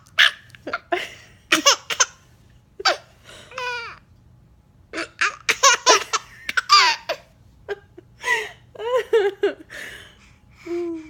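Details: Baby with hiccups: sharp little gasping catches mixed with bursts of laughter; harmless hiccups.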